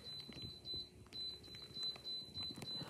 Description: I have this alarm box that tells me it’s time to take my medication. It keeps going off; if I don’t get to it in time.